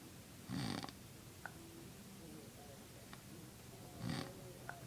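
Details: Dad's weird snoring: two loud rattling snores about three and a half seconds apart, with quiet breathing between, over room noise.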